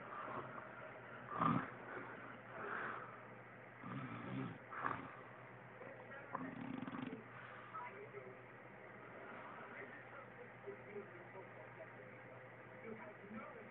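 Irregular low rattling snores during sleep, several separate bursts over a steady room hum.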